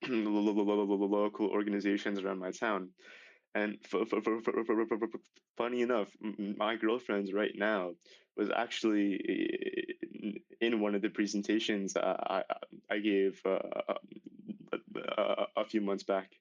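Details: Male high school senior who began stuttering severely at age 10, with six years of speech therapy; repetitions are audible; stuttering.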